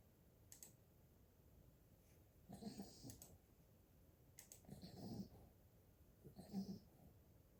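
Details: 8-week-old Golden Retriever puppy snoring while asleep: soft, low snorts with a faint whistle every couple of seconds, a few light clicks between.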